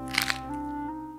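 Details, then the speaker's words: Finger knuckle cracking, a habitual popping of the finger joints, demonstrated on a hand-health program; described as possibly straining the ligaments that hold the joint and, if repeated, possibly leading to arthritis. "직접적으로 연관성을 짓지는 않는데 손가락 마디 뚝뚝 했을 때는 관절을 잡아주는 인대에 무리가 갈 수 있습니다."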